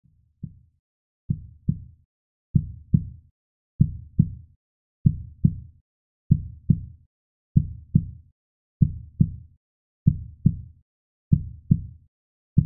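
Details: Slow, steady heartbeat with clear paired lub-dub thumps at about 48 beats a minute, presented as a relaxing baby-sleep white sound.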